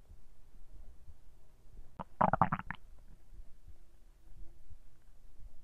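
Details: Noisy stomach recorded when trying to capture hunger sounds, described as digestion sounds: a short burst of loud gurgles in a quiet room; ordinary bowel sounds (borborygmi).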